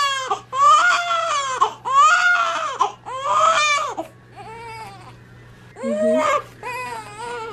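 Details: Newborn baby boy, about 26 hours old, in hospital during his first diaper change: loud, rhythmic crying in bursts that ease into softer whimpers over faint room hum; ordinary vigorous newborn cry.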